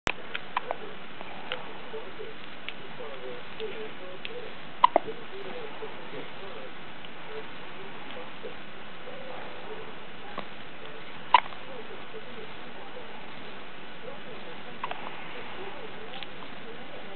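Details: 2-day-old newborn hiccups: a few soft, sharp hiccup clicks over steady background hiss.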